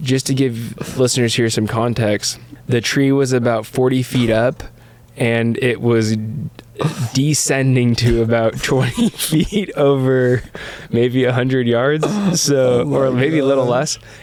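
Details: Adult male speaker; typical speech.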